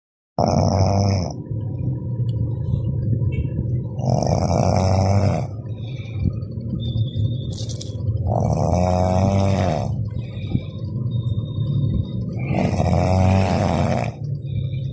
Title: #Snoring Sound😇 Good morning guys 😇 Shortvideovlog